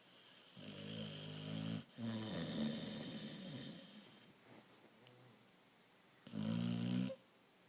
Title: Moose snoring